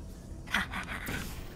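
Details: Gasp while streaming a game, shortly before a sneeze: a brief, sharp intake of breath with faint background sounds; gasping.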